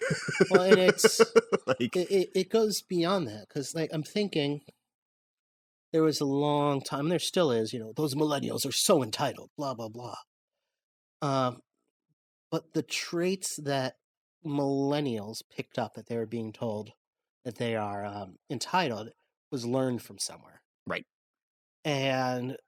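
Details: Adult male speaker; ordinary speech.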